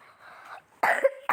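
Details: Person with a cold and cough, recorded while playing a game: quiet background talk, then one sharp cough burst with a brief voiced tail, then the start of another.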